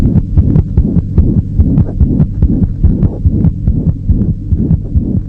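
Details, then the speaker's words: Pediatric heart auscultation: rapid child heartbeat with a continuous whooshing murmur filling the space between beats, a holosystolic murmur. "you hear this hollow systolic murmur in addition to the duration of a murmur we also judge its loudness on a scale of one to six"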